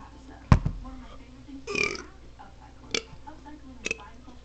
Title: guy burps the alphabet